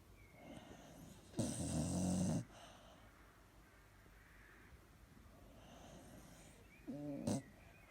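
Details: An old female Springer Spaniel snoozing on a Sunday afternoon gives one loud, harsh, rattling snore, then quiet breathing and a short snort; loud snoring.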